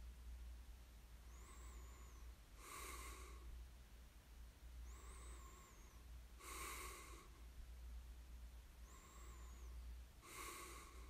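Soft breathing cycles, about 19 a minute, with a faint whistling tone on inhaling and airy snoring exhales over a low steady hum.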